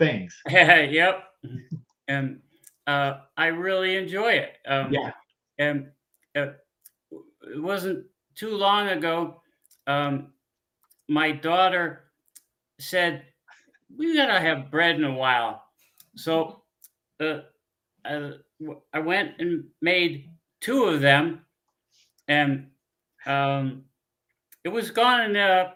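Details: Man, a former pilot, with aphasia after a stroke about 15 years ago at around age 52; he reports being unable to read or write; aphasia.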